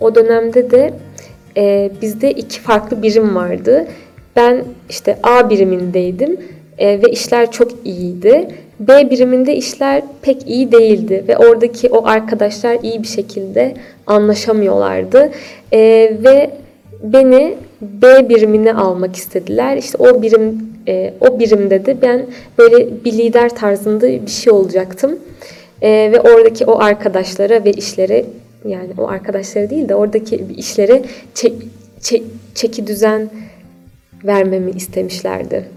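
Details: Stuttering in a 28-year-old woman.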